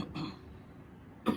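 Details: Persistent, non-stop cough with back pain spreading to the abdomen, worse at night, during nerve therapy: two brief, rough cough bursts separated by a short quiet gap, part of an ongoing cough.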